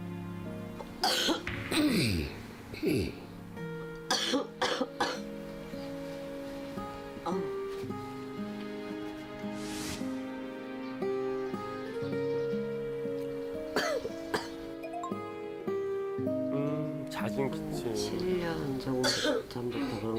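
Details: Asthma patient's breathing with chronic cough; described as wheezy, whistling breath sounds from narrowed, swollen airways.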